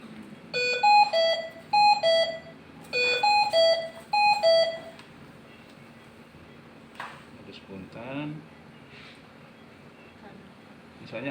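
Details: Hamilton C-3 ventilator in a training demonstration: a melodic electronic alarm repeats in four rapid tone bursts, then stops, with quiet talk after; a ventilator alarm.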